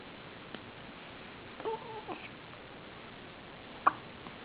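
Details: Hiccups recorded 2008-08-08: a few soft, abrupt hiccup sounds over steady background hiss, with a brief babble in between.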